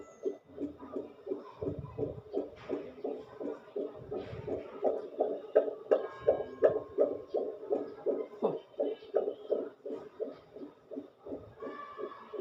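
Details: Fetal heartbeat monitored with a fetal Doppler: rapid, regular whooshing beats around 160 a minute, in the normal range.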